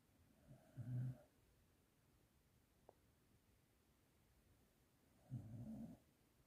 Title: Sleepy doggy snoring 😴 #dog #doglover #sleepydog sleepydog